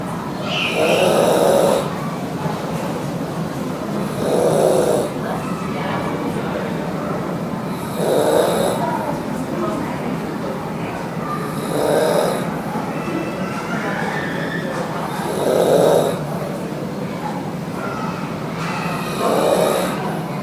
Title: Loud Snore 28